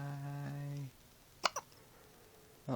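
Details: Hiccups in a quiet room: a sustained hum, then a sharp, brief click-like catch and a second, smaller one.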